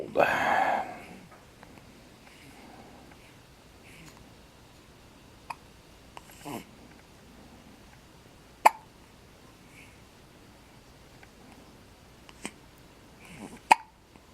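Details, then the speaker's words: 4-day-old newborn boy with hiccups: soft, brief hiccups at irregular intervals, about five in fourteen seconds, after an opening vocal sound. "This little man has the hiccups."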